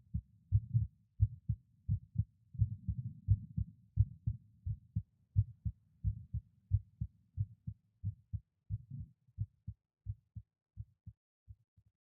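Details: Adult man's heart recorded through a stethoscope at each auscultation point at rest: steady lub-dub beats around 85 per minute, no extra sounds; normal heart sounds.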